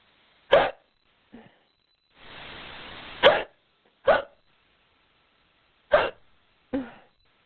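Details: Woman playing a giant in an acted audio role-play, with a powerful case of hiccups she seems to have brought on on purpose; short, sharp, voiced gulping sounds at irregular intervals, about five in seven seconds, in a quiet room: hiccups.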